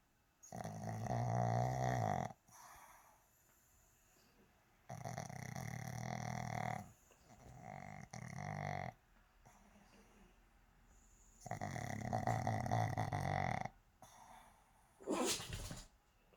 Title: Pug snoring 😴